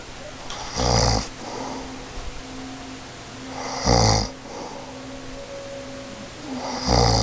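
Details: Adult woman, a mother, asleep and snoring really loud: three harsh, fluttering snores about three seconds apart, roughly 20 a minute, with faint hum between; snoring.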